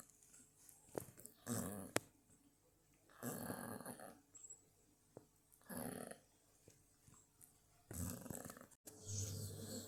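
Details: Slow, rhythmic rattling snores from a sleeping dog, about one every two seconds, each a rough noisy breath; dog snoring.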